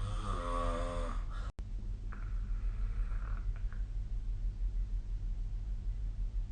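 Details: Snoring during sleep (SnoreLab snore app linked): a rattling inspiratory snore followed by quieter sleep breathing over a steady low room hum.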